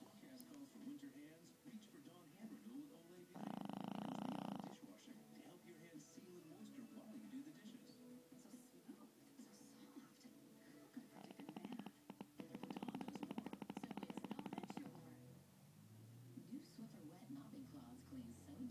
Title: Snoring chihuahua